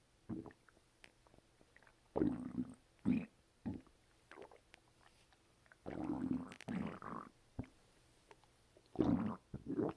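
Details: Stomach noises recorded after a bowel movement: irregular gurgling and rumbling bursts from the belly, active bowel sounds (borborygmi).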